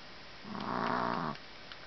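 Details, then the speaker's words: Exhausted puppy asleep after playing all afternoon with her puppy sister, snoring louder and louder: one drawn-out rumbling snore over steady background hiss; snoring. "Keeps getting louder. Hard work chasing after her little friend Miley."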